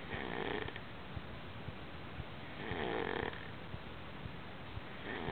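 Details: Soft, rough snoring breaths about every two and a half seconds over a low-quality, noisy recording: snoring.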